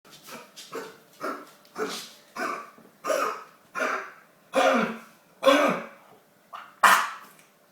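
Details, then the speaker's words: Bulldog puppy with kennel cough and a very snotty nose: a run of about eleven harsh, honking coughs in quick succession, worse when excited or too warm or cold. "this is my poor baby she's got kennel cough sounds awful come here baby"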